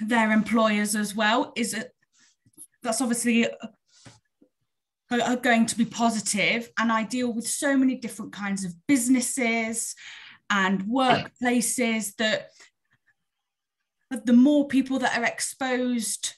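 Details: Real stammering in an adult woman who stammers openly; stammering.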